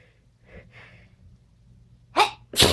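Soft breathy catches, then two sharp explosive bursts: two sneezes.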